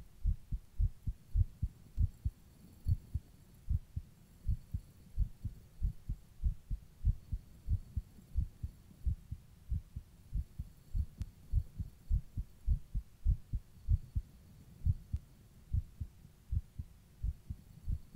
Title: My Heartbeat While Rebreathing in a plastic bag